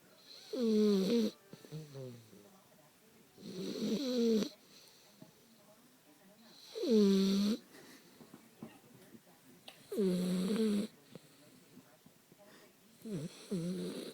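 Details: Sleeping dog snoring: loud, tonal, rattling snores, about 20 a minute, each under a second with quiet breathing between; snoring.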